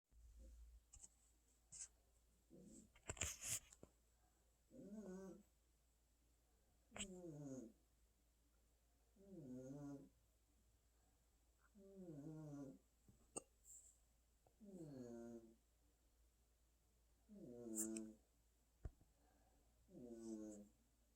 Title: Does your cat snore like mine?